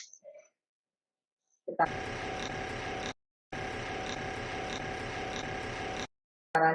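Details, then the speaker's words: MiniFlow percussion massage gun switched on in a muscle-recovery demonstration: steady rapid buzzing motor hum in two bursts, off between them, variable speed settings; percussion massage gun running. "di sini ada yang dinamakan Percussion massage Coba kita nyalain dulu wah ini terlihat getarannya"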